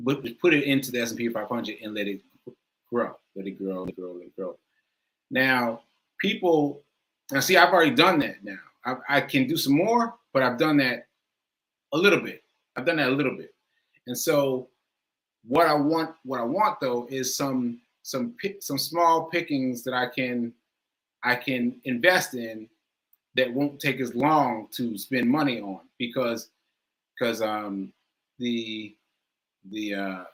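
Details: Male stroke survivor with aphasia, with difficulty finding and producing the right words; repetitions and word-finding pauses; aphasia after stroke.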